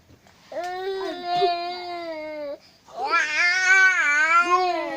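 Two sustained, tonal infant cries, the second louder and wavering, in a quiet room.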